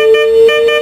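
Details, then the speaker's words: Reanibex 500 monitor-defibrillator in automatic AED mode during a test, with a loud, steady two-pitch electronic alarm after rhythm analysis: "do not touch patient, analyzing heart rhythm, shock advised"; defibrillator shock-advised alarm. "so from here the device will automatically analyze any heart rhythm and advice if the shock is needed do not touch patient analyzing heart rate shock"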